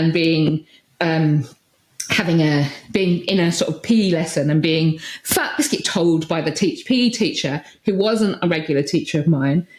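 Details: Adult woman with Tourette syndrome, with tics since about age 6 that intensified in her early 20s; vocal tics of repeated words and sometimes swearing (coprolalia).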